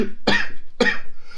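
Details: Person eating very hot chili, mouth burning, with hiccups: two sharp, forceful coughs about half a second apart; irritant cough.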